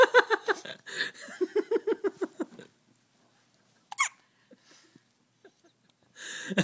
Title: Baby Hiccup & Fart